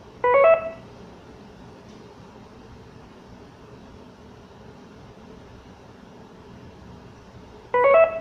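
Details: Intravenous infusion pump alert tones: two short electronic chime tones about seven seconds apart over quiet room noise.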